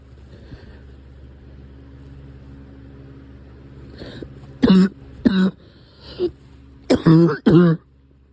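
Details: Recurring cough: a steady engine hum, then a short run of about five harsh coughs and throat-clears in quick clusters.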